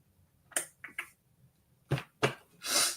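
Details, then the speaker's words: Run of short, sharp coughs from an adult in a small quiet room; the speaker says they are still coughing. "As you can hear, as you can hear, still still coughing. Still coughing."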